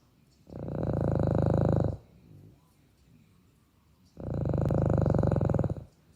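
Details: Two long, loud, low rattling snores separated by a quiet pause; ongoing ordinary snoring.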